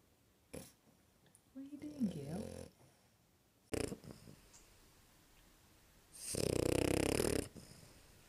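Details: Apple, a female French Bulldog, sleeping and snoring very loudly: irregular snorting breaths and one long, loud, rattling snore in a quiet room; snoring.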